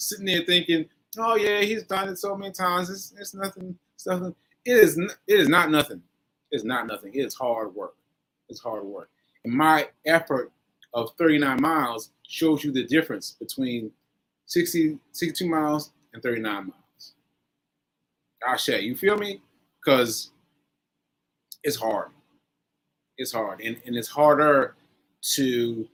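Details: Aphasia in a man recovering from a stroke on 7/14/22, recorded nearly a year later (7/4/23); he says aphasia made working out numbers difficult.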